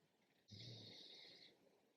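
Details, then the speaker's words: Sleeping pet, male, in a quiet room: a single snoring breath, a low rattling buzz over a breathy hiss lasting about one second. "I don't know, can you hear him snoring?"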